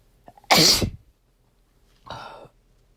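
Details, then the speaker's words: Person sneezing for two days from dust while cleaning, not otherwise allergic, dizzy afterward; sneezes described as chesty. One loud explosive sneeze, then a second softer one; repeated sneezing. "something about the dust that i've been cleaning uh has really just been setting me off and so for the last two days basically i have just been sneezing all over"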